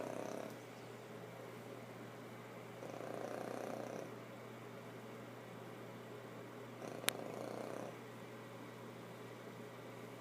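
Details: Sleeping pet snoring during a dream: soft, rumbling snores about every four seconds over a steady background hum.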